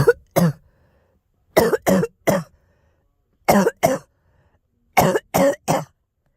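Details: Girl: four bouts of short dry coughs, two to three coughs each, about ten in total, with silence between bouts; coughing.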